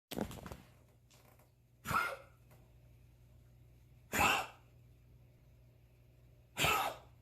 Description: Poor his constant cough